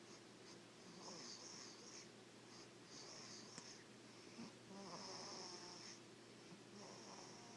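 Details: Soft, hissy, rhythmic breathing noises about 30 a minute in a quiet room from a sleeping baby: light snoring.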